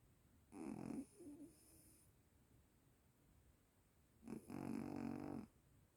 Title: snoring like a human 😴 🙄